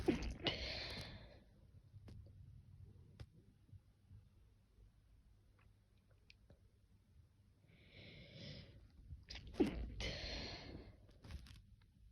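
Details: Sneezing: two sharp, explosive sneezes separated by quiet breathing in a small room.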